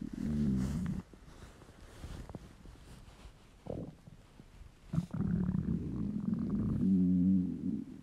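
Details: Adult male's hungry stomach: low gurgling rumbles rise and fade over several seconds; normal hunger-related bowel sounds (borborygmi).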